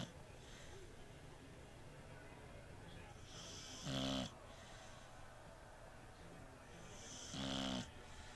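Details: Beagle snoring while napping: two brief, buzzing snores about three and a half seconds apart over steady room noise; ordinary snoring.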